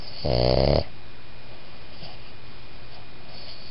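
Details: Boston Terrier–Pug cross dog snoring: one short, loud, rattling snore on a breath, then steady room hum.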